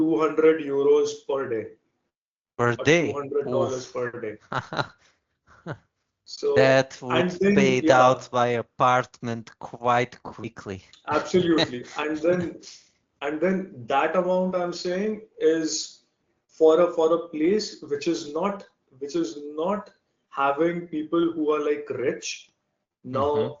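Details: Adult Indian man whose stuttering began around class one or two and still affects his speech in meetings; real, developmental onset; stuttering.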